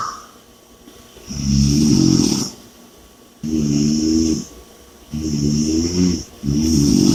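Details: Loud rattling snores at about 30 breaths a minute, with a whistling nasal sound between them; snoring with heavy breathing.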